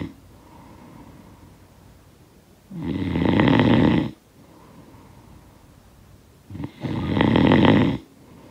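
Two coarse, vibrating snores roughly four seconds apart, with soft exhalations in between. Snoring from a sound-effect recording.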